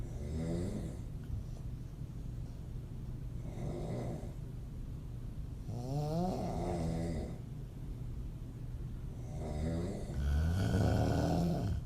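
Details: Adult female open-mouth snoring, audio only, part 1 of 2: rough, fluttering snores with a voiced, groaning quality recurring every few seconds.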